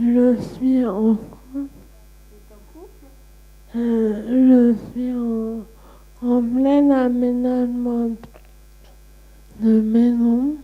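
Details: Ataxic dysarthria in a 34-year-old woman with Friedreich ataxia diagnosed at age 11, receiving speech therapy.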